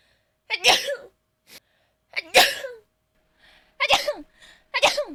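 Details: Several short voiced, breathy build-ups like a stalled sneeze, then sharp explosive sneezes in a quiet room: a streamer's failed sneeze followed by a sneeze.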